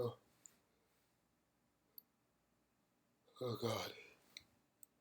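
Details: Deliberately induced sneezing: a single forceful, wet sneeze with a quick breathy lead-in while sitting at a keyboard, with faint key clicks in a quiet room.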